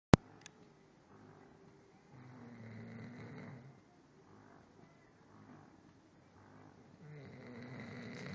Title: Papa Chow snoring during morning nap